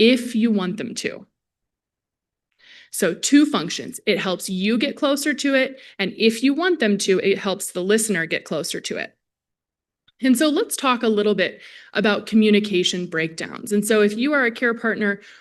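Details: Adult woman presenter; Normal speech.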